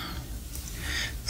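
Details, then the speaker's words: Snoring from a sleeping Pekingese dog: low, rumbling, snorting breath noise with faint room noise in the background. "Parce que vous entendez mon chien comme il ronfle. C'est incroyable. Mon bébé, mon pékinouche."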